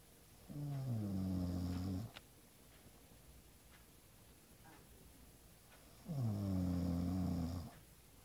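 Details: Two long, low, rattling snores separated by quiet pauses of about four seconds, from a sleeping person; ordinary snoring.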